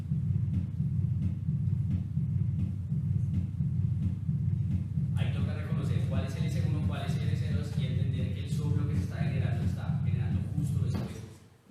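Low, rumbling heart sounds with repeated thumps and a continuous murmur after the second sound; a voice overlaps the second half. Diastolic murmur.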